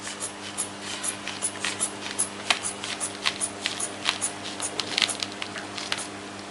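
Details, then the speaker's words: Hand bulb pumping a sphygmomanometer cuff on the arm: quick soft squeezing puffs and rustles, inflating until the radial pulse becomes impalpable during a vital signs blood pressure demonstration. "then I want circle the sphygmomanometer cuff and I'll raise the blood pressure to the radial pulse became or becomes and palpable"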